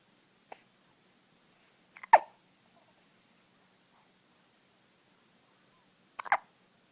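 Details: Child being babysat with bad hiccups: three brief, sharp hiccups at uneven intervals in a quiet room, with silence between them.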